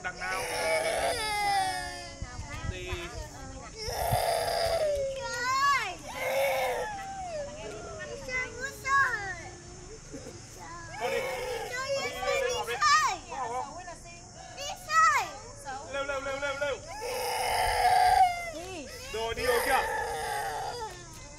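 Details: Tantrum cry of a young child upset because the mother would not take the child to the supermarket: loud, wailing bursts broken by sobbing breaths.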